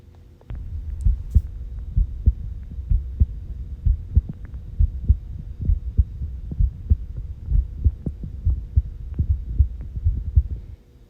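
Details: Normal heart sounds played back in the One Heart mobile app for congenital heart disease screening: regular low thumps at about 65 beats a minute over a faint steady hum.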